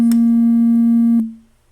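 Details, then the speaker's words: Infinity Enteralite enteral feeding pump priming: a steady electronic beep lasting about one second while the prime button is held to clear air from the tubing. "Prime. You have to hold this to prime. eventually. But you always want to prime it and make sure all the air is out of the tubing because you don't want it in the patient's belly."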